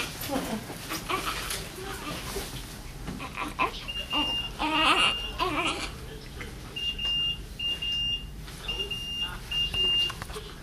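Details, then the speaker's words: Repeated short high-pitched medical monitor alarm beeps over voices in a hospital room minutes after birth of an overdue baby, with the newborn crying and room noise behind. "Yeah, there's beeping. Okay, I'll let your nurse know."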